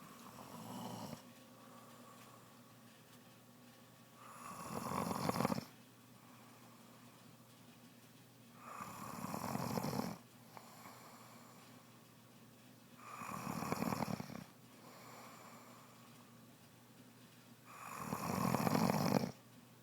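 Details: Adult woman, pregnant, who developed snoring soon after becoming pregnant: steady, rough snores with each inhalation, about 14 per minute, while asleep.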